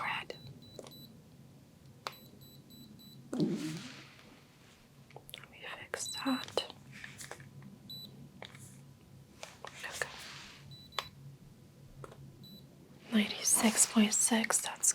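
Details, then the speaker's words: Simulated ASMR medical role-play sensory exam for skin numbness, not a real doctor: short electronic beep bursts over whispered speech and handling noises as a forehead thermometer takes a temperature reading during vital signs. "okay going to take your temperature this will go on your forehead"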